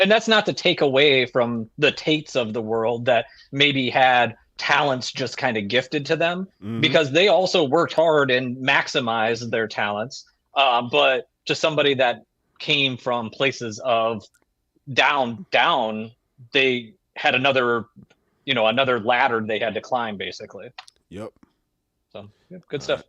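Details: Adult man speaking; Conversational speech.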